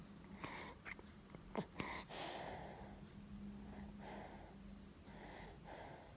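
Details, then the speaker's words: Infant on day two of a first cold with cough, held upright, mucus stuck in the chest and blocked nose: snuffly, wheezy breaths with nasal snorts and rattling; congested noisy breathing. "jadi kayak lendir atau slime-nya di dalam di CS nya itu di dadanya itu kayak apa ya nyangkut gitu loh"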